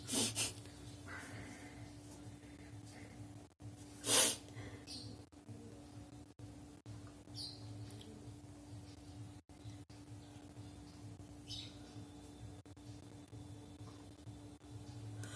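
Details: Sneezing and nose-blowing challenge, with runny nose and watery eyes afterwards: sharp, explosive sneezes, a quick pair at the start and one louder burst a few seconds later, over steady room hum.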